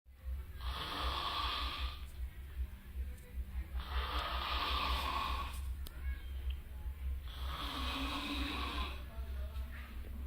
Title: King of snore in the world , ស្តេចដេកស្រមុកក្នុងលោក..